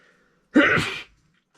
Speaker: Hang on. Going to sneeze.